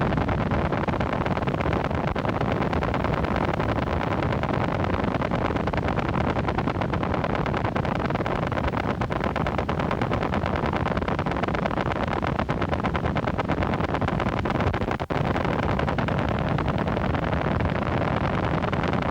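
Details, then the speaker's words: Needle EMG with small-amplitude, short-duration motor unit potentials, the hallmark of myopathy (also seen in neuromuscular transmission disorders): dense, scratchy, rasping crackle. "It is also important to know that short duration mups can be seen in neuromuscular transmission disorders myestinia gravis limbs and botulism. Watch and listen to Sassid Mups."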